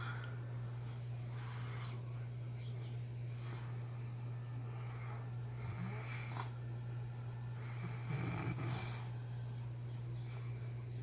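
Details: Sleeping man snoring: rough, low snoring breaths rising and falling over a loud, steady mains hum.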